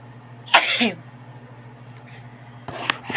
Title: shy no face loud sneezing.